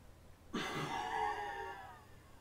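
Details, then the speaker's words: A sudden hard blast of air tailing off over about 1.5 seconds: a forced expiratory (FVC) blow into a Welch Allyn PC-based SpiroPerfect spirometer sensor, blown as forcefully and long as possible after a full breath in, during a user-guide demonstration. "place the sensor in their mouth before blowing out as forcefully and for as long as possible before their volume is used up"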